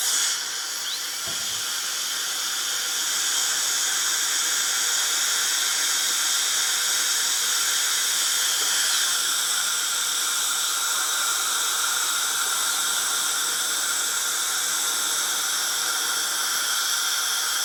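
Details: Continuous high-pitched whine with hissing and slightly shifting pitch: a running dentist's drill.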